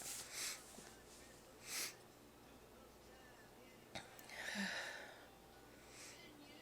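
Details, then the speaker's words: Announcing "I'm gonna sneeze" before several sharp, breathy sneeze bursts over quiet room noise; ordinary sneezing. "I'm gonna sneeze."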